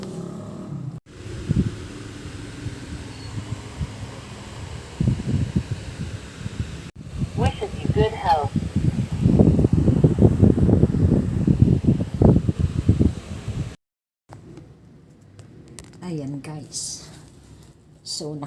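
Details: Low, rapid, uneven buzzing pulses from a home electronic blood pressure monitor's pump as the cuff inflates, with outdoor background noise.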